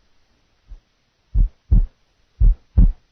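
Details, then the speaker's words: Simulated heart sounds for nursing assessment teaching: paradoxical splitting of the second heart sound, slow paired thumps with S2 split audible on expiration and single on inspiration. "listen now to a paradoxical second sound the split is audible on expiration the sound is single on inspiration"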